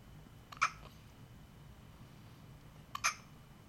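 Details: Two sharp, brief hiccup sounds about two and a half seconds apart over quiet room noise, from a person at home: ordinary hiccups.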